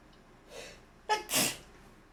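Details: Person who says they sneeze often, at any time: a quick intake of breath followed by a single sharp, explosive sneeze.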